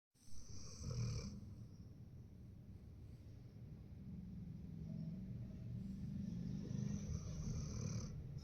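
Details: A 14-month-old German Shepherd snoring in deep sleep: low, rough, rumbling breaths continuing steadily, typical of snoring in a large dog.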